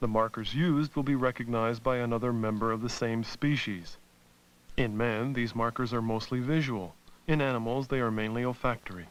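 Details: Adult male narrator; normal speech.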